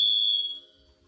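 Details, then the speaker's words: Demonstration of acoustic feedback using a smartphone's built-in sound amplifier and a connected speaker, microphone held close to speaker, stronger with higher gain; high-pitched feedback whistle, as in whistling hearing aids. "Поэтому, когда я подношу микрофон близко к динамику, появляется этот свист."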